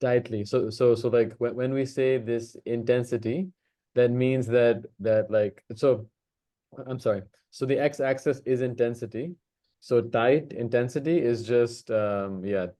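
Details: Man hosting a stammering practice circle, himself a person who stammers, in natural speech before a voluntary stammering demonstration; audible word repetitions; stuttering.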